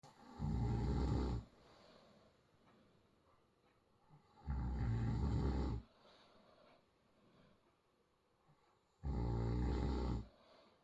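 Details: Three deep, rumbling snores on the in-breath, about 14 breaths a minute, with quiet exhalations between: loud snoring during sleep from someone who claims not to snore.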